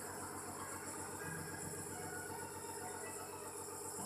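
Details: Home nebulizer treatment for a sick child with a cough: steady mechanical hum with a rapid buzzing pulse throughout; nebulizer compressor running.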